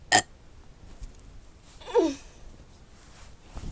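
A sharp click and then a single low, drawn-out belch in a quiet room: a burp.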